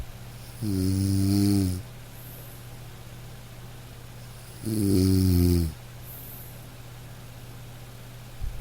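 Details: Gentle dog snoring during sleep, low rumbling snores about four seconds apart, about 15 a minute, over soft light rain; relaxation sleep-sound recording, snoring.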